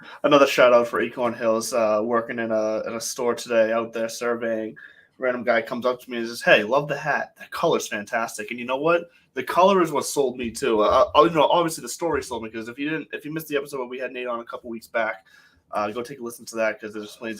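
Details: Adult man speaking; normal speech.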